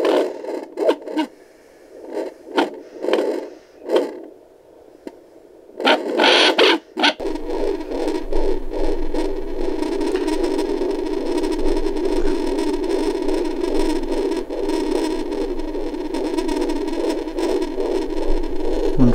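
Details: Home fetal Doppler at 20 weeks of pregnancy, probe placed on the belly: scraping probe noise, then a fast, steady, whooshing gallop of the fetal heartbeat at about 144 beats per minute.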